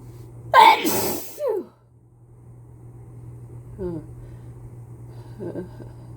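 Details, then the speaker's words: Person with a cold sneezing into a face mask: one loud explosive sneeze with a gasping follow-up, then quiet breathy exhalations. "Oh, I can feel more coming. Phew. I just can't stop sneezing."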